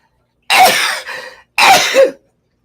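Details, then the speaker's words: Adult live-stream host's sneeze: two forceful, explosive bursts in quick succession, a harsh double sneeze he called unlike any before. "that sounded horrible you guys yes I've never sneezed like that in my life not even joking"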